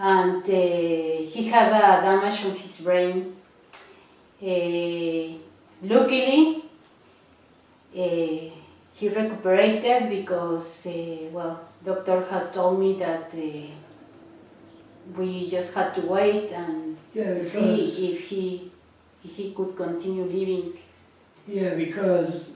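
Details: Adult woman speaking; no speech disorder.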